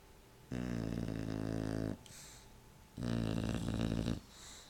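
Two loud, buzzing in-breath snores, each over a second long, separated by softer breathing out.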